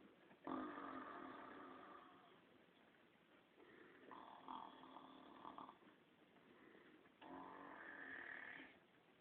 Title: Snoring Grandma